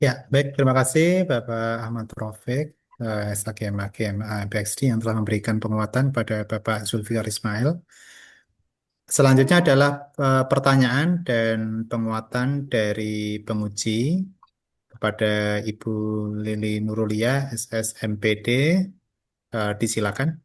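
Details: Adult male speaker; normal speech.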